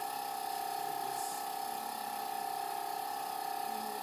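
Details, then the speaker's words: Tracheostomy suctioning in a patient with respirations 30, O2 saturation 94% on humidified air and a nonproductive cough: the catheter is inserted to resistance, pulled back 1 cm, then suctioned while withdrawn circularly; steady high suction whine with faint gurgling. "without suctioning I'm going to enter and insert it until I feel some resistance without suctioning and then I'm going to pull back just about a centimeter and C in a circular motion I'm going to be suctioning as I come"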